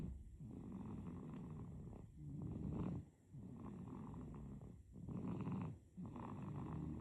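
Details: Sleeping baby snoring: rattling, purring snores on each breath, about 22 breaths a minute.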